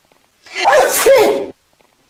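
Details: Acted comedy-sketch sneeze showing how girls sneeze in public versus at home: a single loud, explosive sneeze lasting about a second, with silence around it.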